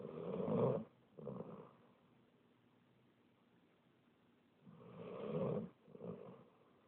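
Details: Sleeper snoring loudly enough to wake herself: two cycles of a harsh, fluttering inward snore followed by a shorter outward snort, then quiet; snoring.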